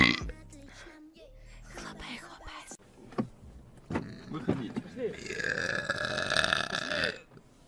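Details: A female streamer who says she has burped since waking, having only drunk water: a long voiced belch rising from a low rumble into a sustained tone, brief talk beforehand; burping.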